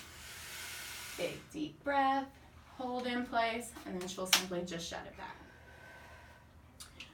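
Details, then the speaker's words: Nurse practitioner demonstrating correct dry powder asthma inhaler use on a medical assistant: a click as the inhaler is opened, a long breath out, then a deep breath in through the device amid brief talk. "whereas with the dry powder inhaler you're going to pull this down and then the medication will be activated that way"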